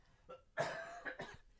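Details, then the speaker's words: A short series of about three adult coughs, the middle one strongest, heard with the microphone held away from the mouth; cougher said to be almost recovered after nearly ten days confined. "Yeah, that's a great sounding cough you got there. It sounds like you're almost over it."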